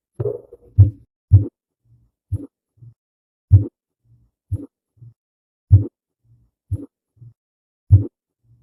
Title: ruidos cardiacos